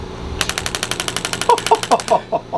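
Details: Intelect RPW 2 radial shockwave therapy device, gel applied, treating a patient in a chiropractic setting: a magnet strikes metal inside the applicator, giving a rapid train of sharp clicks that slows into heavier spaced pulses. Pressure is then lowered to 0.3 bar for sensitive superficial tissue.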